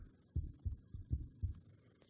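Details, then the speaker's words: Soft low paired thumps of ordinary heart sounds heard through a stethoscope, played as an example of sonification. "So we have a stethoscope. This enables us to hear heartbeats."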